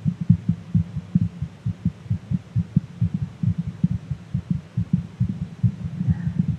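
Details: Normal heart sounds at a fast rate from a VTuber's live stream, extracted and enhanced for audibility: a rapid heartbeat.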